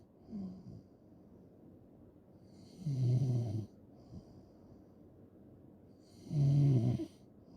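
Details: Loud snoring recorded as ASMR: deep, loud rattling snores on each breath in, about 17 a minute, with quiet breathing out between them.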